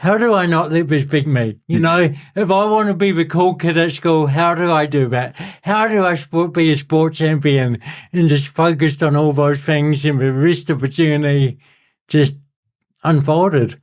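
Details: Adult man with cerebral palsy since birth, a lifelong physical disability with a self-described speech impediment, speaking in real conversation; dysarthria (cerebral palsy).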